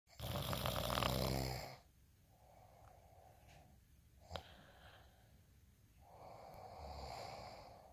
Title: day in life snoring asmr sound 230